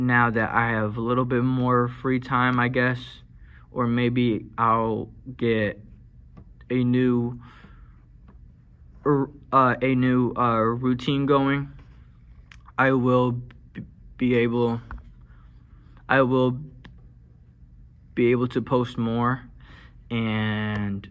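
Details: Male college student who stutters and uses marijuana to help manage his stutter; he says it has improved but persists; stuttering with a repeated phrase and pauses.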